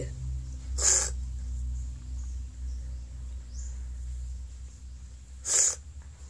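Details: Filipina woman sneezing: two sharp, explosive bursts several seconds apart over low room hum; ordinary sneezes.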